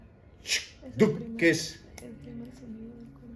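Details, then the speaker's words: Vocal imitation in a basic life support class: voiced heartbeats with a hissing whoosh in systole between beats, a systolic murmur. "Qué tipo de soplo es no es un soplo sistólico pues soplo sístole diástole sístole diástole"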